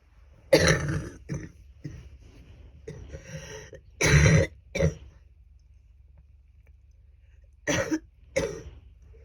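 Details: Adult woman with a cold at its worst (she feared pneumonia): several bursts of deep, rough coughing with throat clearing, rattly and phlegmy between quiet pauses, lots of sputum: wet productive cough.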